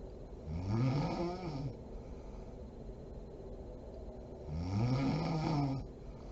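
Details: Mother snoring while asleep: two long, low rattling inspiratory snores a few seconds apart with quiet breathing between; ordinary snoring.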